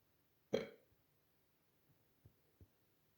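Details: Person hiccuping while gaming: a single sharp, gulping hiccup, followed by a few faint clicks in a quiet room.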